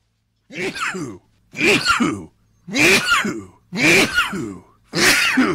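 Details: A person's rare rapid sneezing fit blamed on tree pollen allergy: five sharp voiced sneezes in quick succession, about one second apart.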